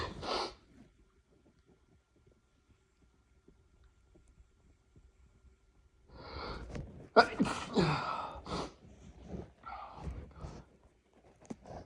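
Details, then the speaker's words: Male with an unusually tickly nose, unsure if sick: one sneeze, a quiet pause, then a run of several sharp sneezes with gasping in-breaths between them. "Never felt this kind of tickle before. Oh my god. Excuse me."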